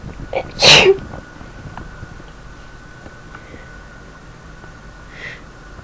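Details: Sneezing: a short in-breath, then one loud, explosive sneeze, followed by quiet with a faint steady background hum.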